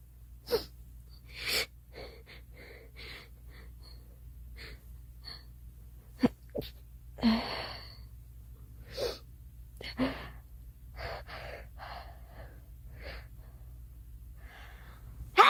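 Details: A girl sneezing repeatedly: several sharp sneezes with breathy gasps between them over a steady low room hum.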